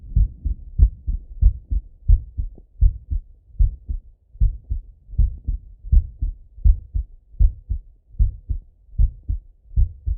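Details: Normal heart sounds of a male lying on his left side, via stethoscope: steady low lub-dub heartbeats at about 79 beats a minute.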